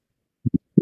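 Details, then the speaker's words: A teaching recording of a systolic regurgitant murmur in early-stage mitral valve disease, where an inflammatory valve lesion stops the leaflets closing: low heart thumps with a soft systolic blowing sound as turbulent blood flows back into the atrium. "Y entonces ese flujo turbulento que se devuelve hacia la aurícula es lo que vamos a escuchar en las etapas iniciales de la valvulopatía mitral Perdón un soplo sistólico de regurgitación"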